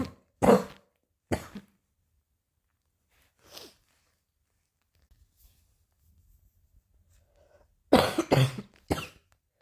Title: coughing a little